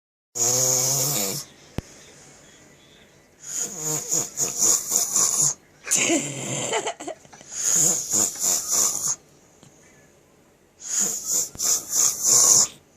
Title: Funny snoring